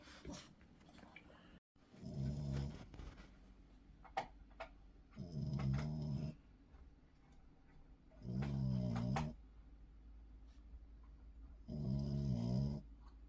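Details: Steady, low, grumbling snores about every three seconds (roughly 19 breaths a minute) with quiet pauses between; snoring.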